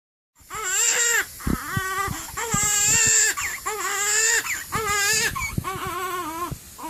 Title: Day15 Newborn Baby Waking Up makes Cute Sound & Faces, and Crying